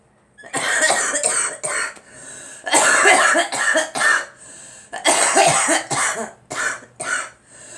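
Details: Girl coughing in three clustered fits of several harsh, forceful bursts each, with brief pauses between fits.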